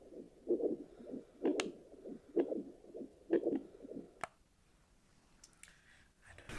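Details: Fetal Doppler check after delivery: rhythmic whooshing pulses at about 64 a minute for four beats, then the signal drops out to faint probe scraping; an adult heartbeat.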